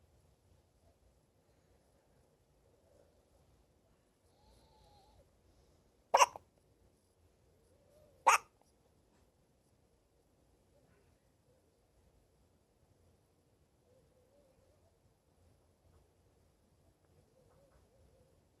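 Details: Hiccups in a 6-day-old newborn baby: two sharp, brief hiccup sounds about two seconds apart in a quiet room.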